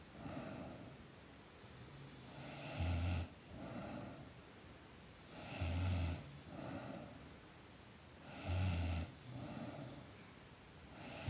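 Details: Girl snoring in sleep: regular low rattling snores on each breath in, about 21 breaths a minute, with quieter breaths out between them.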